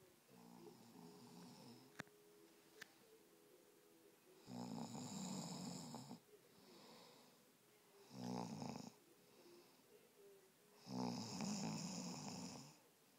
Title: Ramses snoring and bebe being lazy